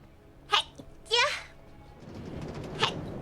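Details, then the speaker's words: A VTuber's livestream: two sharp, bright sneezes about half a second apart, then a third small burst over soft room noise; sneezing. "Another sneeze. New sneeze compilation incoming. Sneeze."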